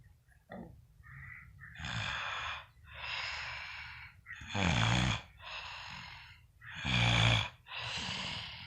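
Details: Noisy snoring with hissing airflow alternating with deep, rattling snorts over several breaths.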